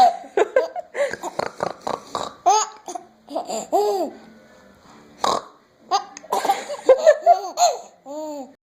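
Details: Young child giggling in bursts, broken by sudden short gulping catches of breath: hiccups mixed with laughter.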